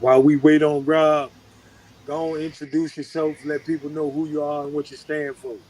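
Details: Adult male speaker; normal voice.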